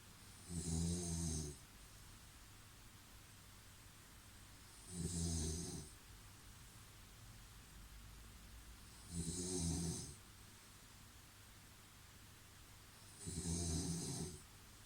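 Deep, rumbling snores at regular intervals, about 14 a minute, with quiet room noise between them.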